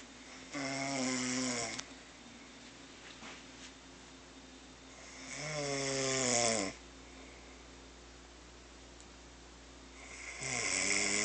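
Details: Sleeping person snoring: loud buzzing, fluttering snores about 12 a minute, each lasting over a second, with a steady background hum.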